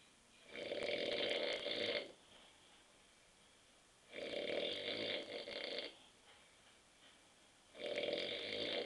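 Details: Adult husband asleep on the sofa at 9:30 p.m. after too many beers, snoring: loud rhythmic snores on each in-breath, about 17 breaths a minute, with quiet pauses and room hum.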